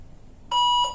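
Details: A 400-watt electrosurgical unit switched to monopolar mode shows error E01 because no patient plate is attached. A single steady high-pitched beep is the patient plate (return electrode) alarm.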